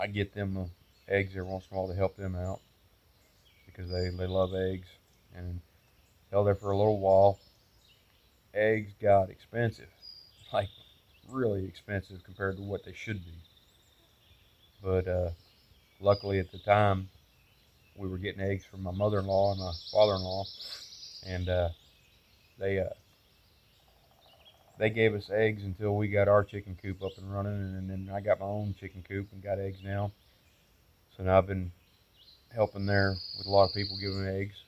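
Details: Adult man, about 8-9 months after a stroke the previous November that also weakened his right side, with post-stroke aphasia and word-finding difficulty: he knows what he wants to say but must wait for words; worse when frustrated, improving.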